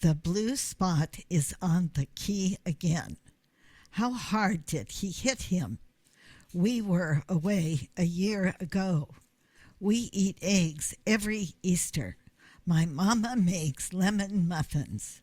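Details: Vocal tremor heard in connected speech.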